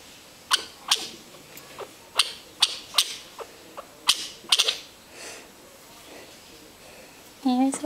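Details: A quick run of about ten tiny, sharp sneezes over several seconds from a male pet chinchilla, brought on only by firm scratching of his head; harmless here.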